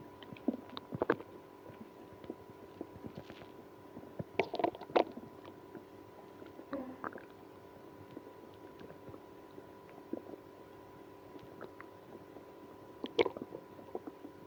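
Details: Stomach growling in a person with irritable bowel syndrome after drinking milk and prune juice. Scattered gurgling and squeaky growls from the belly: active bowel sounds.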